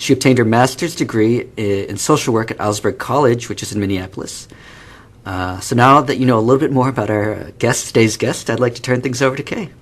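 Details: Adult man speaking; Normal adult speech.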